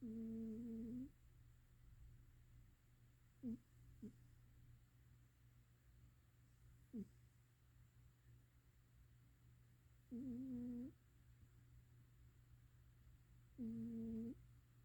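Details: Cat's light snoring: soft, tuneful, whistling snores every few seconds over a steady low room hum, with faint squeaks between.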